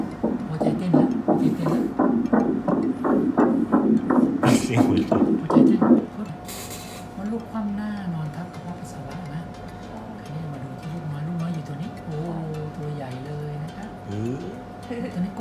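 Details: Rapid, rhythmic whooshing fetal heartbeat on ultrasound Doppler during a prenatal scan, then quieter room sound with a steady hum; the fetus's sex cannot yet be told, and it moves well with a strong heartbeat. Fetal heartbeat.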